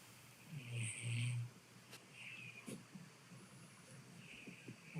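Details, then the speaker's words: Old pet cat snoring loudly with low rumbling, surprisingly human-like breaths; snoring. "That sounds like a person. That's really terrifying. Really cute."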